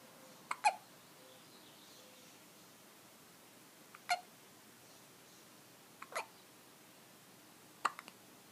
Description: got the hiccups